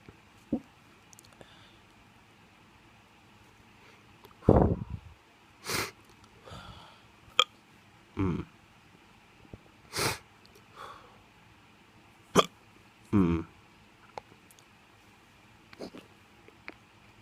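Sudden sharp gulping sounds recur every one to two seconds over steady room noise, some with a voiced catch. These are hiccups.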